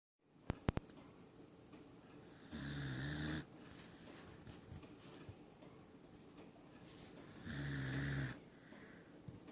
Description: Just Oakley the Corgi snoring on my lap